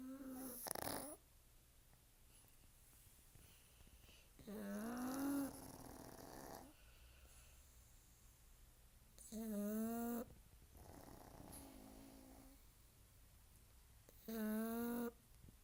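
Repeated whistling, snorting snores with a nasal squeak, about one every five seconds, from a flat-faced dog sleeping in a small room.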